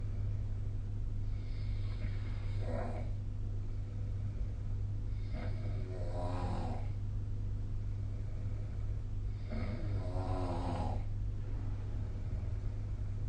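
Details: Snoring during sleep, with the SnoreLab snore app referenced: three soft, fluttering snores on breathing in, about every four seconds, over a steady low hum.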